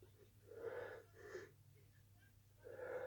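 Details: Short, high, whistling breath noises, with a pause and then another; wheeze-like breathing.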